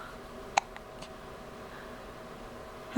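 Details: Hiccup in a baby girl: a single sharp, brief catch of breath with a faint second one in a quiet room.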